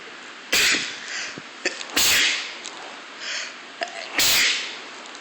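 Three sharp, forceful sneezes in quick succession with quieter breaths between them: a bout of repeated sneezing.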